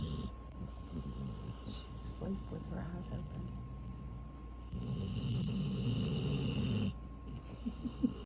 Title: My Precious Jozie snores like a human too! #dog #funny #cute #floof #sleepydog